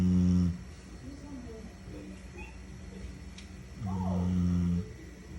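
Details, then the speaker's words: Sleeping dog snoring like a person: two loud, deep, droning snores with soft breathing between them and faint room noise; snoring. "Mi nombre es Mimi y el día hoy quiero que escuchen por primera vez en su vida un perro roncar como una persona"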